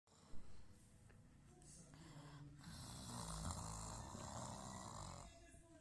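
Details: Snoring, likely from playback: a low, rough snore builds over a few seconds with faint room noise.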